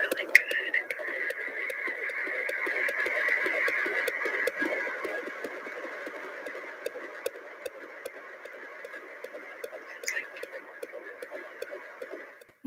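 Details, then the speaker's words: Home Doppler fetal heartbeat at about 15 weeks of pregnancy (25 weeks left to go), described as very strong: fast, muffled whooshing pulse around 150 per minute. "i can't believe i even caught that but we did get like a really good um heartbeat"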